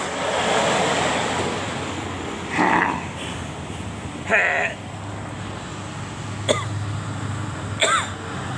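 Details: Adult man with a cough that has not healed, during a ruqyah healing session: background murmur, then a few short throat-clearing and coughing bursts; a dry cough.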